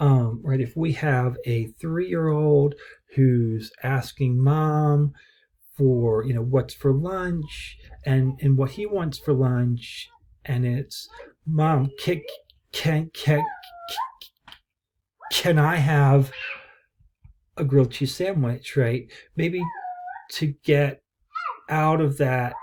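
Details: Acted stuttering: presenter who stutters imitates a three-year-old child who stutters, producing sound repetitions and a block.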